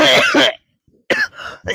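Acted adult cough: a harsh two-part burst, a pause, then further shorter coughs.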